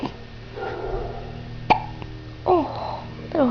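Abrupt short voiced gulps at irregular intervals over a few seconds with room noise, fitting hiccups.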